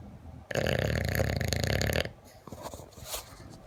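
One long, coarse, fluttering snore, followed by softer snuffling breaths; a dog snoring.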